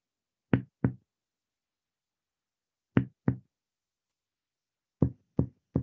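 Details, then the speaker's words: Finger percussion down the midclavicular line from the second intercostal space (angle of Louis): hollow, resonant lung notes turning dull where lung overlies liver at its upper border; it becomes resonant again on held deep inspiration; lung resonance changing to dullness. "Acá encontramos un matidez. Se da por la superposición del parénquima pulmonar con la matidez hepática."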